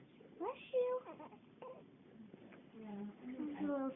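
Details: Brief whimpering cries and fussing from an infant around its first sneeze, with adult voices nearby.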